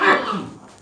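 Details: Man coughing: a single loud, harsh cough that trails off quickly.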